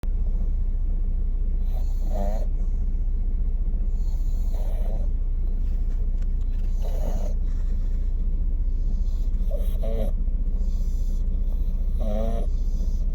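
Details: Pugs: short snorting snores about every 2.5 seconds, roughly 24 a minute, over a loud steady rumble; snoring.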